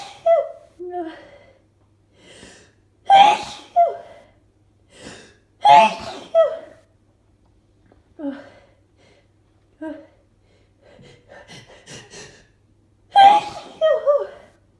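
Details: Allergy flare with itching: a run of about eight forceful sneezes in fifteen seconds, several in quick pairs, with gasping in-breaths between; rapid allergic sneezing.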